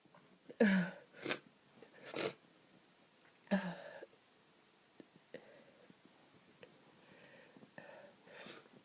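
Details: Person with a bad cold: short, forceful surprise sneezes, then quiet snotty sniffing and small wet noises.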